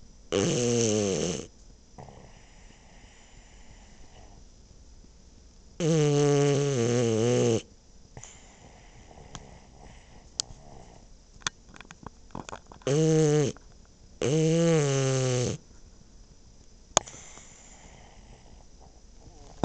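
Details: Sleeping French Bulldog snoring with eyes open during REM sleep; loud, long, rough snoring breaths recurring irregularly with quiet pauses between.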